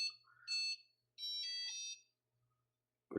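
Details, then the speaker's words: Two high electronic tones, the second longer and stepped, then a brief knock: Nestlé enteral feeding pump powering off after cassette removal before cleaning. "So stop na natin. So tanggalin lang natin yung kaset. So turn off mo yan."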